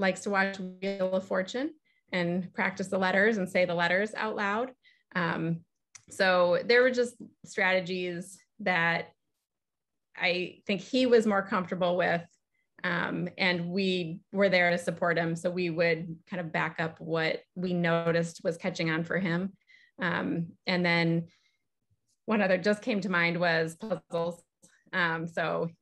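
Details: Adult speaker; normal speech.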